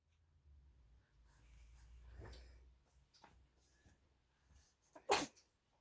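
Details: A single sudden, loud, explosive sneeze after quiet breathing and faint room noise.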